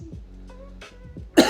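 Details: Adult livestreamer coughing and clearing his throat while talking, who blames gas for it: a single abrupt cough burst at the end, over soft background music.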